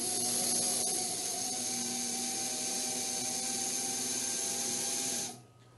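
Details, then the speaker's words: Steady high-pitched whine, stopping near the end, of a slow-speed dental handpiece with an acrylic burr. It trims excess resin from the gingival edges of a temporary crown outside the mouth. "an acrylic bur on the slow speed handpiece can be used to trim excess resin from the gingival edges"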